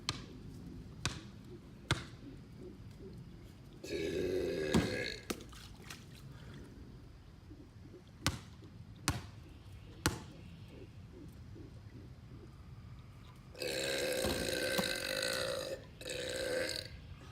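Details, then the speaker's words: Belching outdoors during pool basketball: ball bounces and thuds, with two long, rough, voiced belches rising from the background; burping. "and today I'm doing pool basketball burps."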